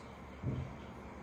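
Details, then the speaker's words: Simulated heart murmur made by drawing a line across the hand under a flat stethoscope: soft low rubbing whoosh over steady hum; simulated murmur. "And you hear murmur number one. I'm going to put all the information up above for what type of murmurss this sounds like."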